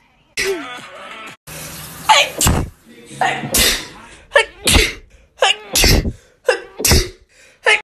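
A fast run of sharp, explosive sneezes from different people, some with a voiced lead-in, a few seconds apart; ordinary sneezing.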